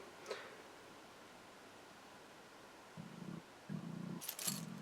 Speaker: Sorry if you can hear my tummy growling there.